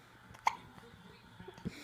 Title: Thanksgiving weekend hiccups